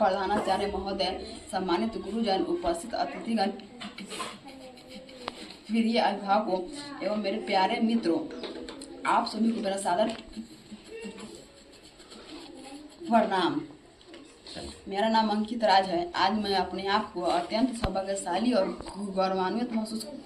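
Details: Mild stuttering in a class 6 schoolboy, reciting a memorised speech.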